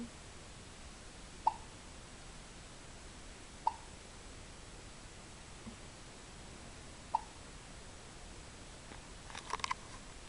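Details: Baby with hiccups: three short, sharp hiccup sounds spaced a few seconds apart in a quiet room, with faint stirring at the end.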